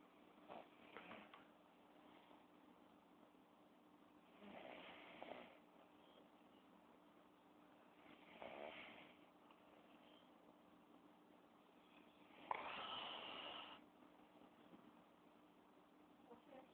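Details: Adult woman with two broken legs asleep in hospital: four rasping snores about every four seconds, near 14 breaths a minute, over a steady background hum; snoring.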